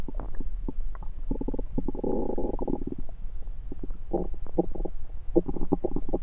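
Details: Gurgling, bubbling rumbles and clicks recorded over the person's own belly with a USB stethoscope: normal active bowel sounds of a rumbling tummy.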